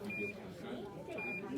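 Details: Two brief, high electronic beeps about a second apart, with room noise and murmuring, from a morphine IV PCA pump (1 mg dose, 5-minute lockout) during setup in a simulated nursing demonstration.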